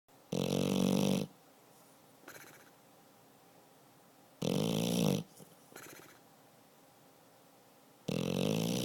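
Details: Beagle–pitbull mix dog sleeping after a long day of car rides and chasing squirrels: loud, rough, rumbling snores about every four seconds (about 16 breaths a minute), with soft exhales between.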